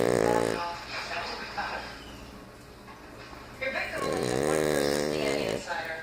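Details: Loud, rough, vibrating snores from a Cavalier King Charles spaniel, a short one at the start and a longer drawn-out one near the end, in a small room; snoring.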